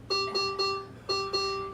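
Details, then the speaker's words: Servo-i ventilator demonstration: patient goes apneic, triggering a repeating high-pitched grouped alarm for no patient effort; the ventilator switches from pressure support/CPAP to backup ventilation. "I'll go in apneic. And it's giving me the alarm, no patient effort. I'm going to go ahead and silence that alarm so we don't have to hear it."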